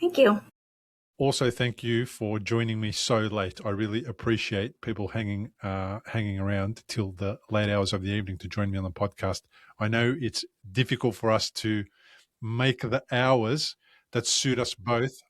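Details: Adult male speaker; Normal speech.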